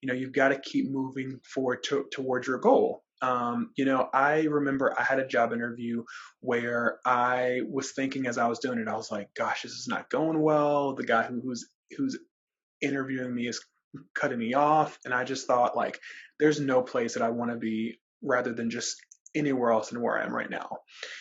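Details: Real stuttering in a man who describes himself as a person who stutters, speaking as a webinar co-host; repetitions and filler interjections are heard; stuttering.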